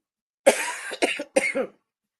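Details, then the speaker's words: Three short, harsh dry coughs in quick succession with no mucus rattle, from an adult with asthma who has been coughing hard and feels a little worse. "hear how good my cough sounds but I still got a cough and it's dry that's why I'm set a little worse because I've been coughing hard"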